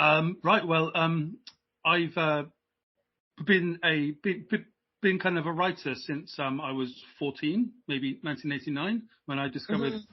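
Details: Adult British man who has stammered since age five, repeating stammer in childhood that later took hold; now much improved, uses voluntary stammering and modification techniques (stammering/stuttering)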